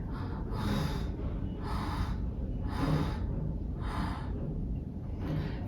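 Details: Imitated wheeze, demonstrated as a cause of noisy breathing in children for which flexible laryngoscopy is useful: five rhythmic, hissy, flute-like breath sounds mimicking the whistling of air through narrowed airways.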